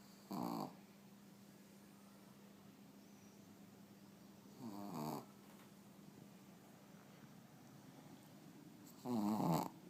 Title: Snoring dog